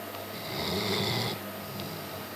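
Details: German shepherd sleeping in a strange position in the living room: one low, fluttering snore on an inward breath over steady room noise; snoring.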